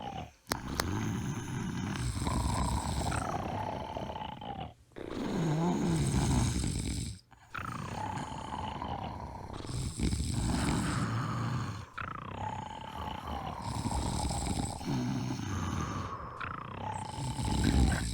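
Loud, rough, low rattling snores repeat with each breath, with brief quiet pauses between runs: ordinary heavy snoring during sleep.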